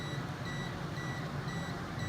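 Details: Repeated high electronic beeps at a steady pace over a low hum: a 980/1470 nm diode laser with radial fiber firing during endovenous laser ablation of a slim woman's insufficient right short saphenous vein, delivering 50–100 J/cm.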